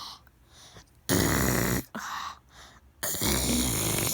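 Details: Young daughter pretending to snore at nap time with her mother because she doesn't want to nap: two loud, harsh rasping put-on snore noises with quiet gaps between.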